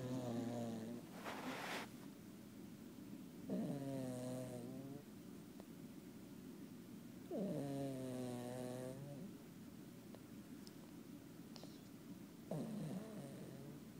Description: Matilda, our foster cat, snores.